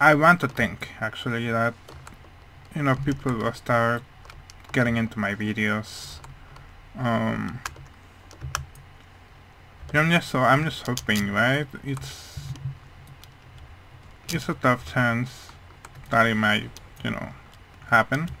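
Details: Speech of a speaker with a hearing problem, which he says mainly explains how his voice sounds, though he is unsure whether his accent also plays a part; speech of a person with hearing loss.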